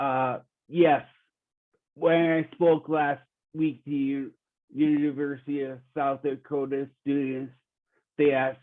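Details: 45-year-old man with rare primary progressive apraxia of speech; he knows what to say but words don't come out clearly, and his speech has declined since an earlier interview; apraxia of speech.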